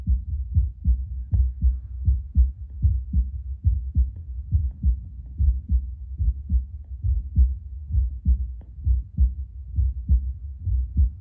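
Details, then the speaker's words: Adult's own heartbeat via Littmann CORE Bluetooth digital stethoscope after espresso: steady low thumps about 70 a minute, slightly uneven, mostly 70–75 with occasional brief jumps to 80–85, beats stronger than before coffee; normal heart sounds. "per minute doesn't seem to have changed too much. Sounds like my heart's just beating a little bit stronger."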